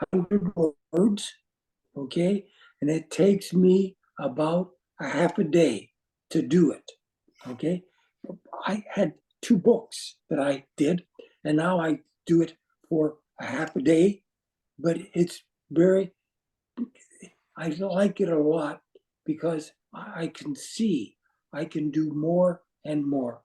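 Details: Adult man with aphasia caused by a stroke, with non-flowing words and difficulty with instant word choice and finding how to say what he wants: aphasia.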